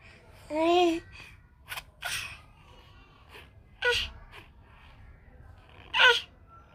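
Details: 8-month-old infant laughing at sneezes: short voiced sounds and quick gasping breaths, some with a sneeze-like burst, in a quiet room.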